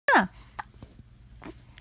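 A single sharp, abrupt vocal catch followed by quiet room sound; a hiccup.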